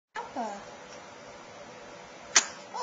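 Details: Infant sneeze recorded with a Flip Video camcorder: soft baby fussing, then one short, sharp sneeze burst over faint room noise.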